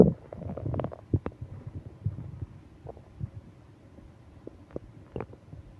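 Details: Low gurgling rumbles and bubbly pops from an adult's abdomen during a stomach ache on a business trip, with moaning: bowel sounds, stomach growling.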